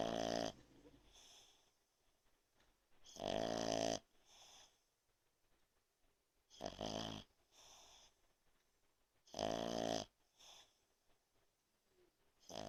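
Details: Sleeping French bulldog (brachycephalic dog) snoring: loud rattling snores on inhalation about every three seconds, softer exhaled snorts between.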